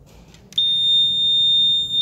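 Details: Vital signs monitor alarm: a steady high-pitched electronic buzzer tone starts abruptly and holds, sounding when the temperature or pulse reading falls outside the set range.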